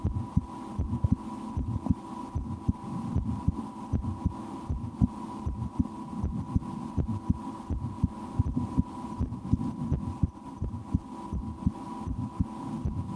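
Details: Steady, regular soft thumps over a constant low hum, heard through a stethoscope on the speaker's own chest, with breath-holding at times and attempts to speed the heart up; normal heart sounds.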